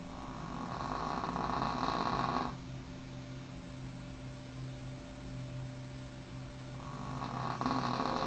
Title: Cute dog snoring 狗狗打呼噜